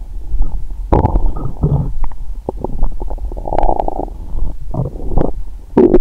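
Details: Abdomen of a woman (period due, bloated) after a 22-hour fast, Christmas dinner and wine that left her drunk: frequent irregular low gurgles and rumbles; normal active bowel sounds (borborygmi) after a heavy meal.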